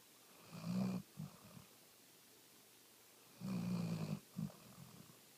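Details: Hound dog snoring repeatedly: low rumbling snores on each in-breath, each followed by short snorting puffs, about two breaths in five seconds in a quiet room.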